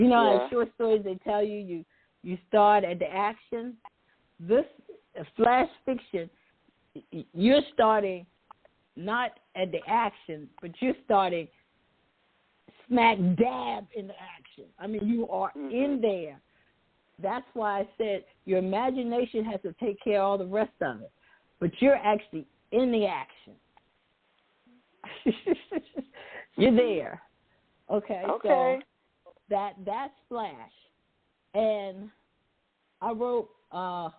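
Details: Adult woman who says she stutters sometimes, with word repetitions; stuttering.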